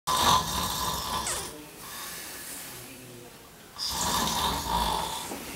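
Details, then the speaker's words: Heavy snoring used in a sleep-doctor commercial, before treatment: loud, harsh, rattling snores on breathing in, with quieter breathing between them. "you or your sleep partner snoring like this it's time to call Dr John krellik Alaska's sleep doctor"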